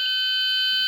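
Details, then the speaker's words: High-pressure alarm on an EPV battery-powered transport ventilator: a steady, loud, high-pitched tone triggered by raising PEEP from 5 to about 10 or higher. It stops once PEEP is returned to 5 and a breath no longer generates high pressure. "high pressure alarm going off and that will go off but if I sort of clear my system now I put the peep back to five again and the alarm is turned off"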